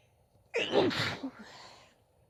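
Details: Single loud sneeze with sharp intake and explosive burst, then a short trailing breath; female sneezing.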